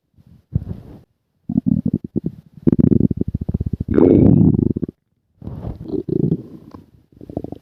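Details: Long rolling gurgles and rapid bubbling rumbles from the belly; ordinary stomach growling (borborygmi).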